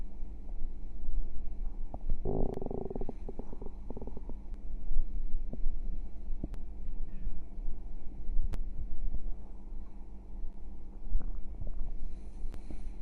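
Steady low rumbling with bursts of bubbly gurgling over a constant hum: stomach growling, ordinary gut movement.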